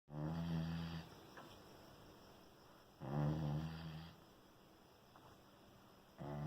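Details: A sleeping puppy snoring: two long, low, rattling snores about three seconds apart, with quiet breathing between them.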